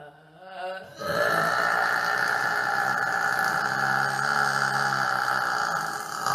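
A long, drawn-out, droning voiced belch lasting several seconds, consistent with burping.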